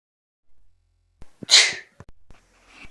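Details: A single sneeze: a brief catch of breath, then one sharp, hissing sneeze burst followed by a few small clicks.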